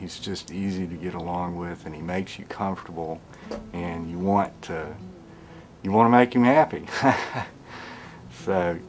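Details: Adult man speaking; ordinary speech.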